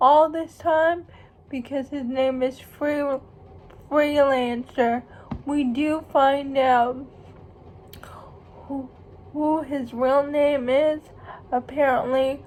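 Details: Female speaker who states she has cerebral palsy, real condition; speech in cerebral palsy.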